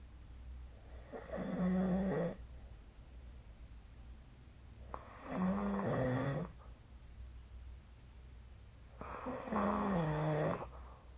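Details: Snoring recorded during sleep with the SnoreLab app: three loud, low, rattling snores on inhaling, about 15 a minute, with quiet breathing between; typical heavy snoring.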